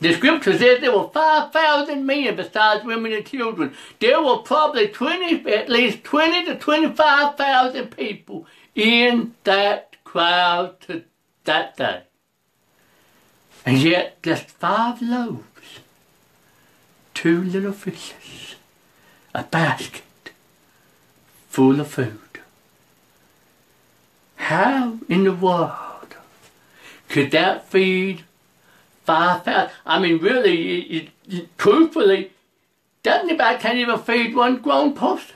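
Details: Adult preacher who reports a speech impediment, along with poor vision, poor hearing and being unable to go out unless someone drives him; speech impediment.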